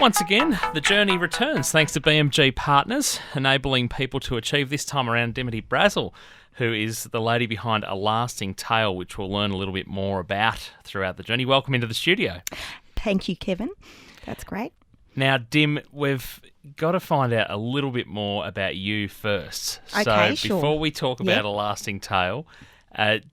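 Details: Adult male interviewer; typical speech.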